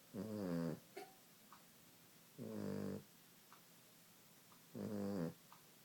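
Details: Maltese dog snoring: slow, regular rattling snores with a buzzing, grunting tone, about one every two seconds.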